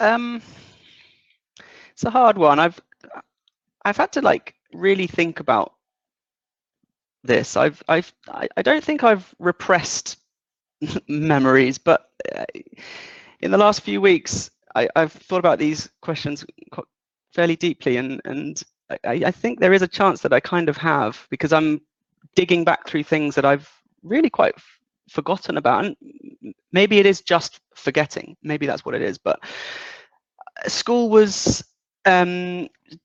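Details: 37-year-old man with lifelong developmental stuttering since about age three, worse in childhood, partly controlled as an adult, worse under stress or anxiety; stuttering.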